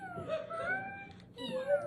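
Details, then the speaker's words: Human vocal imitation of wheezing: two sustained musical notes sliding up and down in pitch, the same note repeating, different on inspiration and expiration; wheeze imitation. "So you're gonna hear, and it's gonna be consistent in the sense that it's gonna sound like the same note being played over again, right? It's gonna be going up and down and up and down and up and down as it goes on."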